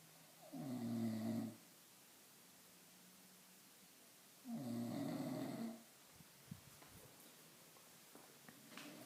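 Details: Two loud, rough, rattling inhaled snores about four seconds apart in a quiet room: ordinary snoring during sleep.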